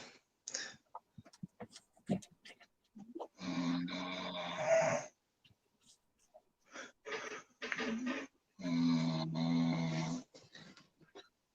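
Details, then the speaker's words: Pet dog snoring while asleep, loud rough snores with two long rattling breaths amid scattered clicks and small noises. "don't know if you can all hear that that's my dog snoring that's ridiculous"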